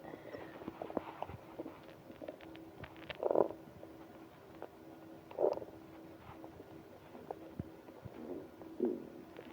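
Three short, quiet gurgles over a faint steady hum; stomach growling.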